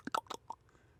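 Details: Adult man with late-onset Tourette syndrome, tics triggered by discussing the condition; tongue-clicking vocal tic.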